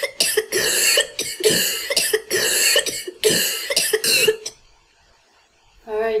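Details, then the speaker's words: Asthmatic cough from a cough-sound dataset used to tell asthma from upper and lower respiratory tract infection; wheezing is audible with the cough. "and here's an asthmatic call these are a little bit the asthmatic cops are a little bit easier to um to classify because you hear the wheezing"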